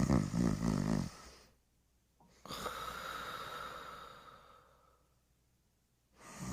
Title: The Pink Panther Snoring and Smacking his Lips